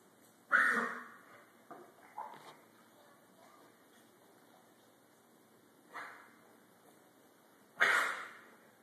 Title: Boxer with kennel cough